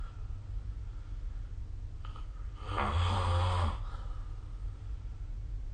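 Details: Single low, rattling snore about a second long from a sleeping adult, recorded with the SnoreLab phone app, over quiet room noise; snoring.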